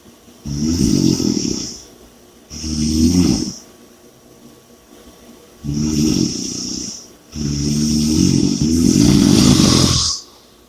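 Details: Loud, rough snores on each breath in, about five in ten seconds, with quiet gaps between; heavy snoring during sleep.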